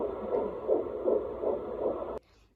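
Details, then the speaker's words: Fetal heartbeat recorded at a prenatal doctor visit: fast, rhythmic whooshing pulses at around 160 beats per minute, described as great. "so the heartbeat is around 160 which is great"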